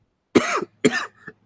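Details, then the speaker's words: Coughing during a live stream with loud tree-cutting noise nearby: two quick, sharp, dry coughs close together with a short throaty tail; a plain cough. "oh damn sorry coughing like crazy there but thank you everyone for being so generous today"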